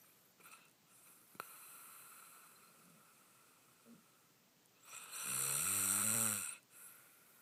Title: Snoring revenge